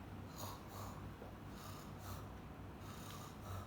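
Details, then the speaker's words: Coarse, gurgling, snore-like breath sounds in repeated cycles from secretions in an endotracheal tube. Rhonchi. "Pasti suara nafasnya nanti terdengar, ada suara tambahan nafas, ya ada ronkinya."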